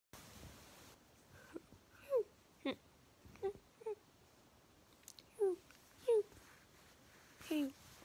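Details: Person on a moderately bad vocal tic day; vocal tics.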